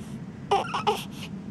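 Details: Infant with hiccups: a few short, voiced whimpering cries lasting under a second in total, in a quiet room.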